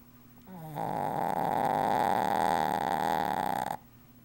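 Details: Sleeping dog wearing a cone collar: one long, loud, buzzing snore lasting about three seconds, with a fluttering rattle; snoring.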